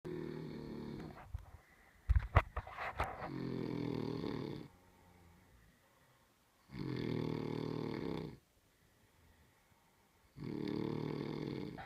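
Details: Loud, rough, low-pitched snores recurring about every three and a half seconds, with brief clicking noises between two of them; snoring.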